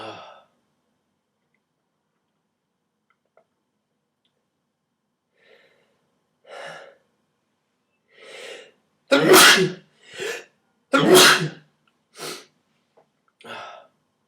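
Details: Person sneezing who says they are tired and sick, in a cold apartment in winter: a run of sneezes, some soft and two loud and explosive, with short quiet gaps between them.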